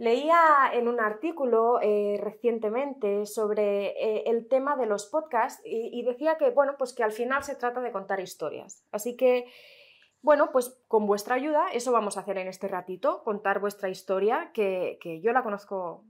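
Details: Adult woman speaking Spanish; typical voice.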